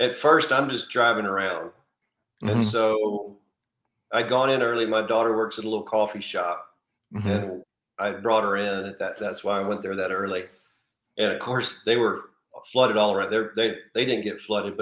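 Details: Adult man speaking; normal voice.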